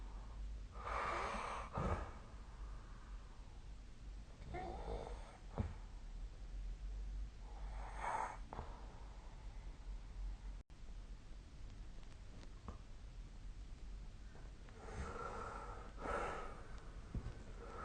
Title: 🐽 本日のイビキ / Snoring Sleep Sound 2025/04/03